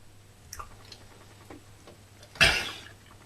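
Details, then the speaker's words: Koko the gorilla, asked about coughing, gives a single sharp, breathy voluntary cough on request after faint clicks, shown as an example of a gorilla's limited vocal control. "that was good you did a sneeze and then a cough excellent"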